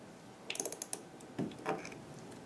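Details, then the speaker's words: Ratchet wrench finishing placement of a 3.75 × 13 mm MIS C1 dental implant after insertion reached at least 35 Ncm: a quick run of sharp mechanical clicks, then a couple of softer clunks. "now that the implant is placed and reached at least 35 Newton centimeter I'm going to finish placing it with the ratchet wrench for that I'll need the ratchet wrench adapter so I can use the same insert tool in my mis ratchet wrench"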